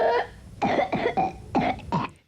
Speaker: This Mayo Clinic video is a baby with whooping cough. A feeding tube is needed because she could not hold her breath long enough to swallow. The coughing lasted 6 weeks.